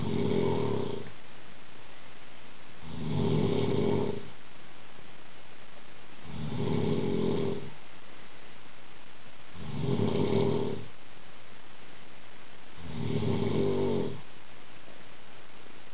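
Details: Adult man asleep, snoring: five loud, low, rumbling snores at steady intervals, about 19 breaths a minute.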